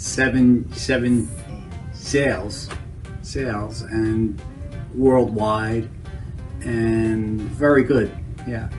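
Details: Adult man with Broca (expressive) aphasia after a stroke 7 years earlier, with difficulty forming sentences and largely preserved comprehension; Broca's aphasia.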